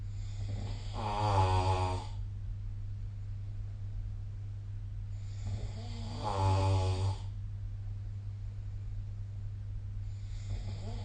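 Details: Snoring during sleep, recorded with the SnoreLab app: deep, rumbling snores about every five seconds, roughly 12 a minute, over a steady low hum.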